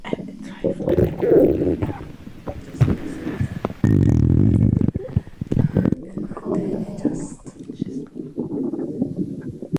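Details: Loud, irregular, low gurgling and rumbling bowel sounds (borborygmi) from a pregnant woman's belly after drinking cola and Sprite.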